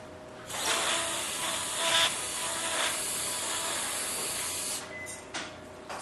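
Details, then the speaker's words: Steady high-pitched grinding of a motorized arthroscopic bur with hissing suction in water medium, shaving a hard, sclerotic coracoid in a 66-year-old man's shoulder during arthroscopy for subscapularis, rotator cuff and biceps tears. "we now have the bur in the shoulder this is a motorized instrument we're going to shave down this is water the medium is water we have suction"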